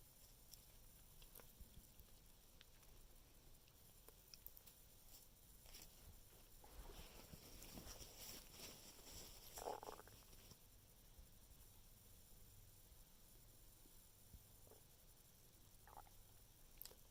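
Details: Stomach noises for about 2 minutes after eating carbs: quiet hiss with a few soft gurgles and one clearer bubbling rumble; bowel sounds (borborygmi).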